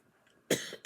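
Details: A single brief, sharp cough from a woman talking, in quiet room noise, followed by the start of another cough.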